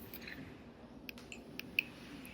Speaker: You can hear my damn knee clicking every time at the bottom, but